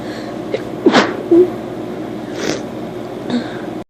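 A few short, sharp sneezes over steady background hiss; brief sneezing.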